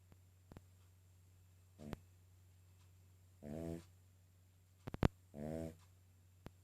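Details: Sleeping King Charles spaniel: two short, buzzing, nasal snorts with a few faint clicks around them; loud snoring.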